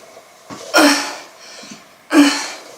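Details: A soft intake of breath, then two forceful, noisy bursts of air during a milk-drinking burping challenge; sneezing.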